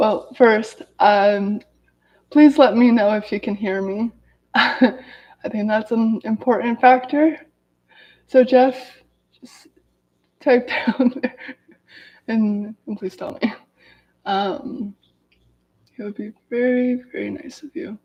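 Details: Adult woman who has stuttered daily her whole life, severe as a child, with speech blocks and S-words especially hard, speaking in a live video; stuttering.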